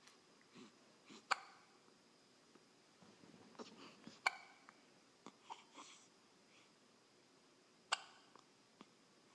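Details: Hiccups: brief sharp gulping clicks at irregular intervals in a quiet room, roughly 20 a minute.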